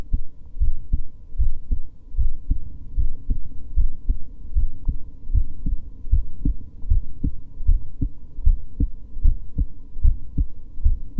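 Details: Resting heartbeat of a woman who reports she recently began getting tachycardia again: steady, regular low heart thumps at about 76 beats a minute, a normal resting heartbeat.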